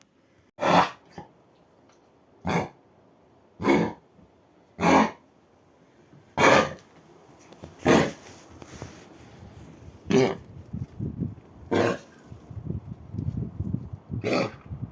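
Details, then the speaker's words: Dog at a shelter with kennel cough, contagious and caught from another dog, gives repeated harsh, honking cough bursts. "вот этот вольерный кашель он же заразен для других собак Вот получается Дуся заразилась от Рыжика"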